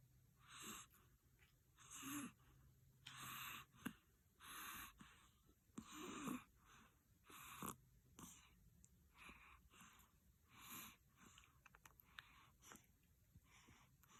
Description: This morning, I was holding him on my lap to feed him but he felt sleep and start snoring with eyes open